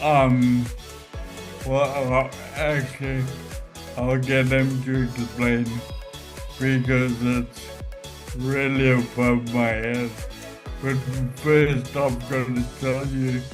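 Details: Adult man with Friedreich's ataxia causing ataxic dysarthria; standard AI speech recognition often misses his voice, while an adapted program captures about 90%; ataxic dysarthria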